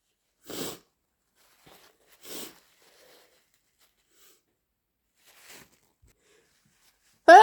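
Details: Two short, hissing sneeze bursts close together, then quiet, a brief sniff and a loud noise at the end; sneezing.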